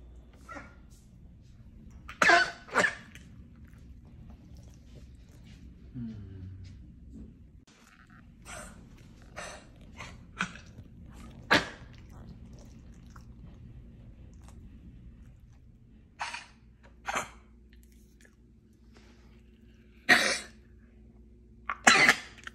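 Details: Corgi with kennel cough: repeated short, harsh, dry coughs and throat-clearing bursts in a quiet room with a low hum.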